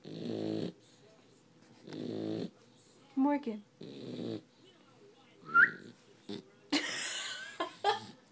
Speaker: We're snoring. She's still snoring. Not awake.